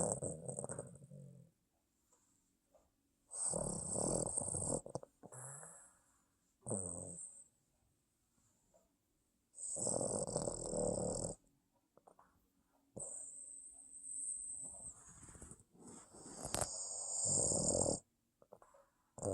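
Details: Sleeping Boston terrier snoring: loud snorting snores in repeated bursts with quiet pauses, noisy nasal breathing of a short-nosed dog.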